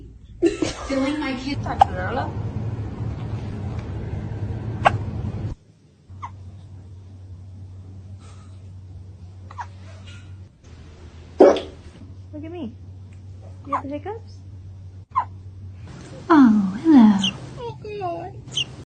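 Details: Kitten with hiccups: small, abrupt chirp-like catches repeating irregularly, with a steady hum and a soft cry near the end.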